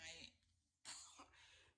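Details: Two brief, hoarse, throaty cough-like bursts in a quiet room from an adult woman with her second COVID-19 infection despite two vaccine doses, at home on a sick day; cough.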